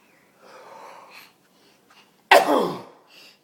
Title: Sneezing is still funny